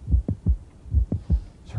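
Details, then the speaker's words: Heart auscultation at the apex with the diaphragm: heart sounds in triplets, with a sharp extra click between the first and second sounds. This is a mid-systolic click, usually from mitral valve prolapse due to myxomatous degeneration. "now this mid-systolic click is usually due to something too called mitral prolapse often due to mix ummit's degeneration of the mitral valve"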